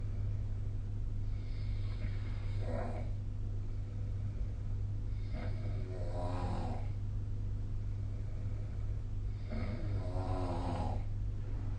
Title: 🐽 いびきの音 / Snoring Sleep Sound 2025/05/27